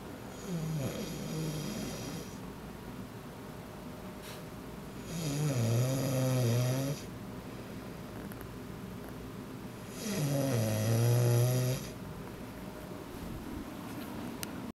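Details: Adult snoring at 2:09 PM after a long day's work: about three low, rattling snores on the in-breath, separated by quieter breathing, with steady room hum.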